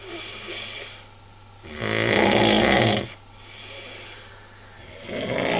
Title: World's Worst snoring uff awesome El peor ronquido del mundo uff impresionante